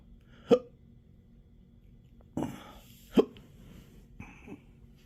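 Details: Intractable hiccups with choking spasms and belching since December 2015, occurring in 12-hour episodes now seven days a week: sharp, abrupt gulping hiccup bursts with a quiet throaty sound between them; hiccups.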